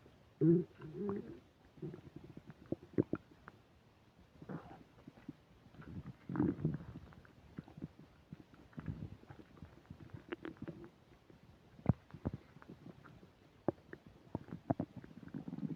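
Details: Frequent loud gurgles, rumbles and bubbling clicks recorded by a mic close to the belly while eating a burger and fish fries: active bowel sounds (borborygmi), described as the loudest stomach rumbling yet.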